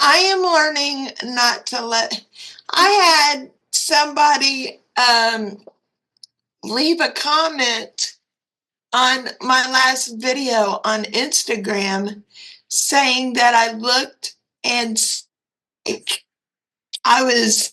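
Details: Dysarthria in a 56-year-old woman with cerebral palsy and quadriplegia.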